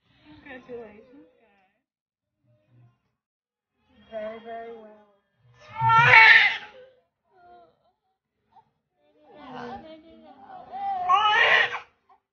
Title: POSITIVE BIRTH VLOG